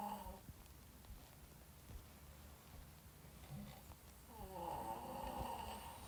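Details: Snoring.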